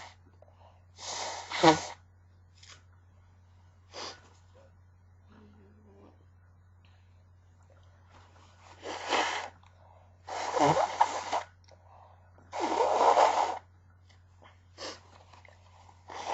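Several muffled, suppressed bursts with sharp breath intakes in a quiet room with steady hum: stifled sneezes.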